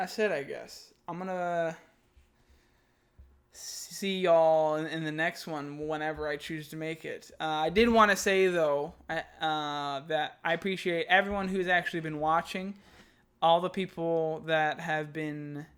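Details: Adult man who stutters, reading his own text aloud; word repetitions audible; stuttering.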